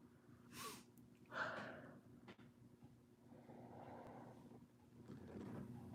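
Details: Adult sneezing loudly on a live chat; says they sneeze loud to release the torque it puts on their low back: a sharp intake of breath followed by a single explosive sneeze in a quiet room.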